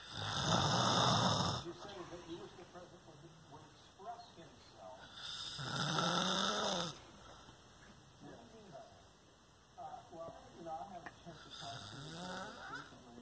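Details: A father snoring while asleep: loud rattling snores on breathing in, about 11 breaths a minute, with quieter noisy breathing between, ordinary heavy snoring.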